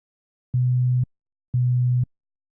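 Two half-second bursts of a very low, steady pure tone separated by silence, a 125 Hz hearing test signal.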